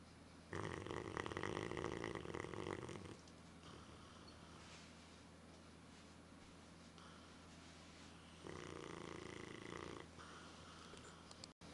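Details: Two long, deep rumbling snores several seconds apart with soft breathing between, from a sleeping dog; heavy snoring.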